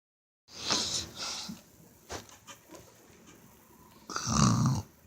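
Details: Tired person asleep: two loud, rough, snorting breath sounds with a rattly low vibration, separated by quieter breathing; snoring.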